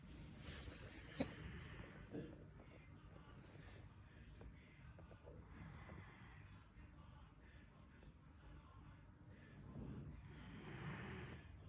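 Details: Quiet, noisy sleep breathing with a few rougher, snorting inhalations over a steady low background hum: light snoring.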